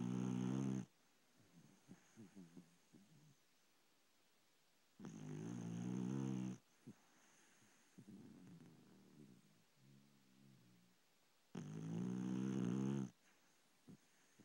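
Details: Sleeping pet dog snoring in bed: three loud, buzzing snores about every five to six seconds, with soft snuffles between them; ordinary snoring.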